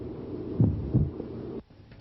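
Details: Systolic ejection sound: low, dull heart thumps with an extra sharp early systolic sound, followed by a burst of other sound.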